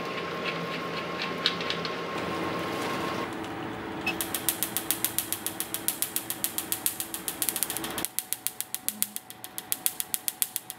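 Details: Rapid sharp clicking pulses, about 210 a minute, over a device hum: an Nd:YAG laser firing during tattoo removal.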